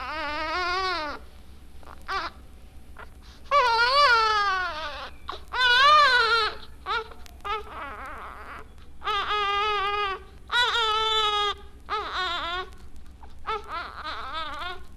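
Infant cry in short, moderately loud bursts with pauses and whimpers, steady low hum behind; a weak, low-intensity cry of an infant with Down syndrome.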